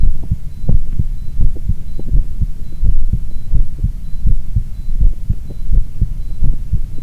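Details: Heart sounds recorded alongside an ECG: low, steady lub-dub thumps at about 85 beats a minute, with faint soft monitor beeps and a low hum behind; ordinary heart sounds.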